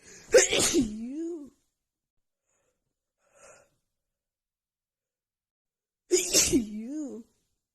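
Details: Rapid sneeze attack with seasonal allergies flaring just before spring, recorded in the morning: two loud voiced sneezes a few seconds apart in a quiet room.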